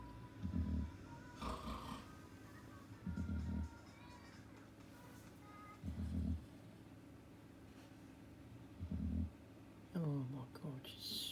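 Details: Sleeping dog lying under a desk, snoring loudly: low, rattling snores about every 2.8 seconds (about 21 a minute), with faint background sounds.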